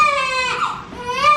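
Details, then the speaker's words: Fussy newborn girl, about 3-4 days old, with red rash-like spots on her face, hand and leg, being dressed to leave hospital: two high, strong crying bursts with a brief catch; ordinary newborn cry. "Hi. Why are you so fussy? Why are you so fussy?"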